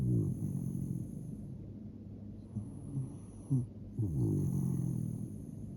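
Low, rattling breathing sounds that rise and fall over a steady high-pitched hum; snoring in a sleeping dog.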